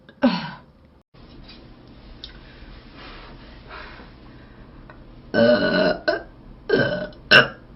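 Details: Korean livestreamer giving several loud, rough, drawn-out belches separated by quieter room noise, after announcing a big-burp challenge and saying he is full; repeated burping.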